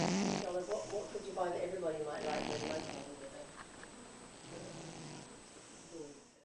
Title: Snoring cat